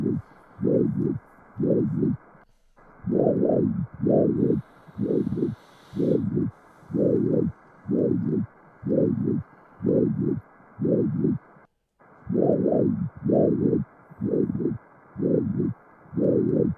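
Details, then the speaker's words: Subhepatic ultrasound view of diaphragm and liver: hepatic vein Doppler flow with regular pulsing whooshes about 60 a minute, each in a double or triple pattern, transmitting the heart's atrial movements. "fíjense este flujo Cómo transmite los movimientos auriculares es una subhepático está ahí el diafragma y el hígado"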